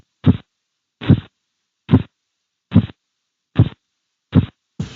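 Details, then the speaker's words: Blood pressure measurement by cuff auscultation during deflation: crisp, loud tapping beats at about 72 a minute as the murmur disappears and sound becomes sharper and more intense: phase III Korotkoff sounds. "En el tercer ruido, el murmullo o soplo desaparece escuchando un ruido más nítido y de mayor intensidad."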